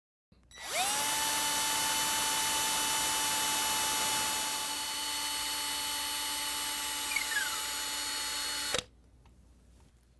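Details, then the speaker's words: Saw-bone workshop demonstration of Ilizarov/TrueLock frame application for uniplanar deformity correction. A power drill whines steadily for about eight seconds, driving a wire from the fibular head toward the anteromedial proximal tibia. "The next step is to create canal along this wire using cannulated drill bit. And now we are placing half pin inside the canal we created with cannulated drill bit. We are drilling the half pin until it starts capturing the fibular head, and then we will complete our half-pin insertion manually using T-wrench."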